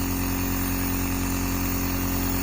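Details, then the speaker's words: Nebulizer compressor running for an unwell young child with cold and cough: steady mechanical hum with rapid buzzing pulse. "Nannu बेटे का तबीयत खराब है तो इसको भाप दे रहे हैं। बेटा नेबोलाइज कर रहे हैं।"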